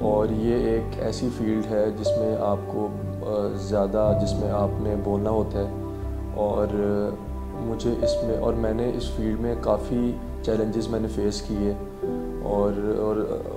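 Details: Stuttering in a young man who raps; as a child, pauses came mid-speech when he spoke in front of the class.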